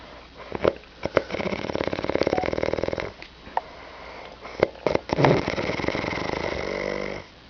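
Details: Person recorded by their brother while asleep snoring: harsh rattling breaths with sniffing noises in a small room; snoring.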